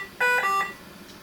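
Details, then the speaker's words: Ventilator alarm, a short two-part electronic tone from a V60 BiPAP non-invasive ventilator after the mask is applied and the machine auto-starts on spontaneous breathing in a setup demonstration; silenced with the upper-left silence button. "let me silence that alarm silence alarm is up here in the upper left hand corner"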